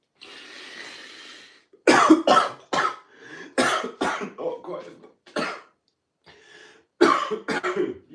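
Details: A run of about eight explosive, harsh coughing bursts with short pauses, after a person tried a sneeze-stopping trick of putting water up the nose; cough.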